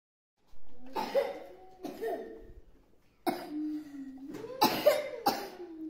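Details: About five coughs with voiced, throaty tails and throat clearing in a quiet room, in a clip on cough, cold and COVID remedies.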